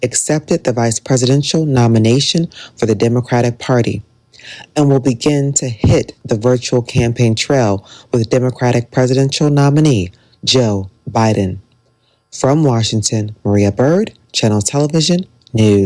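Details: Adult news reporter; Normal speech.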